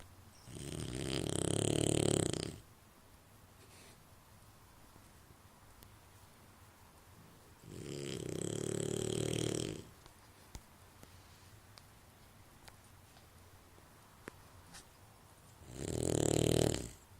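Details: Sleeping boxer dog snoring: three long, loud, rumbling snores about every seven seconds, roughly eight to nine breaths a minute, in a quiet room.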